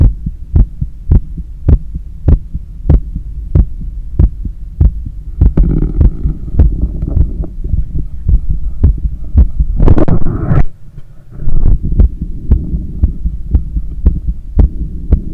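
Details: Steady, fast heartbeat of about 95 a minute with heavy breathing, heard on cardiac auscultation during cool-down after a long run, with visible neck veins and pulse; normal heart sounds after exercise.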